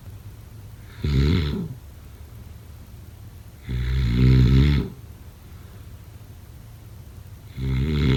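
Three loud, buzzing, growly snores a few seconds apart, quiet between; snoring.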